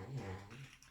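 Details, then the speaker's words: A pet dog gives a short, low, rumbling snore on an inward breath in a quiet room; snoring. "ronfle vous l'entendez mon bébé d'amour qui ronfle aussi là"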